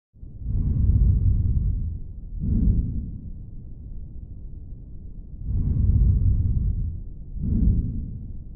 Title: Abnormal lung 🫁 sound